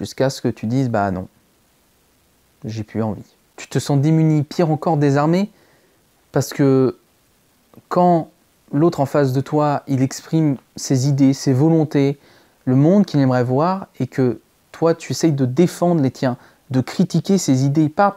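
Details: Stuttering in a male speaker since early childhood. It was treated but recently returned strongly, with blocks and repetitions. This clip has repeated attempts at the same phrase.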